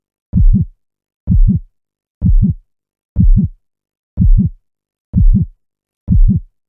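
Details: Clean, evenly spaced lub-dub heartbeats at about 62 per minute in silence, a steady slow resting rhythm; normal heartbeat.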